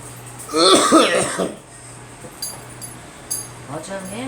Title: Me coughing on a cold